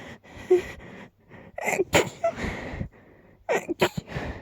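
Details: Person partly holding back sneezes: halting, gasping in-breaths build up, then two sharp explosive sneezes close together; sneezing.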